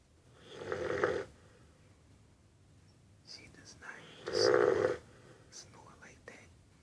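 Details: Female Cane Corso snoring while asleep after eating: two short, buzzing snores with faint whispering in the background; snoring.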